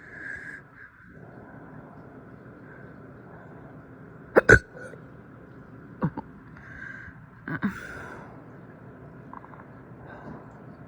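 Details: Several abrupt, jerky throat sounds in quick pairs over quiet room hum: hiccups following big burps after breakfast.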